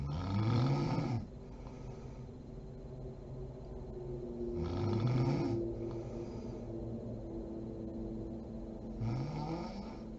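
Rhythmic snoring, a rough low snore on each in-breath about every four seconds, with a faint steady hum in the background.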